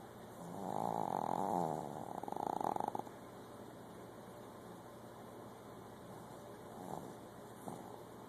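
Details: Sleeping dog snoring, recorded on an Android phone: two rattling snores, then soft breathing and faint room noise.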